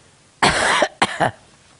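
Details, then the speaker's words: Productive cough from an elderly grandmother, who says it may be due to her medication; she brings up material into a tissue. Two harsh, wet coughs, one long and one shorter. "what you coughing for I don't know it's the it's um medication too"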